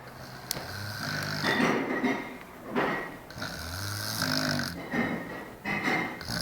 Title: snoring